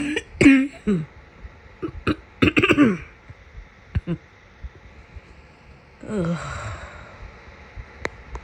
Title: My summer cold cough